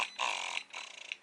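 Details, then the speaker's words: Medela Freestyle portable electric breast pump running at a high setting before being turned down: loud rhythmic whirring motor pulses, each rising then releasing. "And like I said, it is loud. So, I'm going to turn this down"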